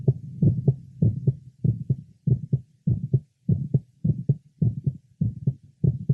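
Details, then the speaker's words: Heart sounds at about 100 a minute over the pulmonic area of a patient with mitral valve prolapse, possibly with atrial septal defect: split second sound that stays split on expiration, and a faint mid-systolic murmur. "again listening over the pulmonic area the second sound is split and does not become single with expiration a faint mid systolic murma is also [Music] present"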